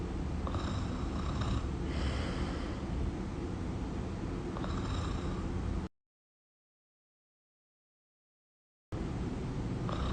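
Steady low rattling breath noise with soft rhythmic fluttering, broken by a stretch of silence: snoring.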